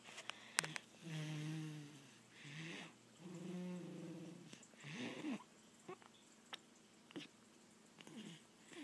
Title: More snoring baby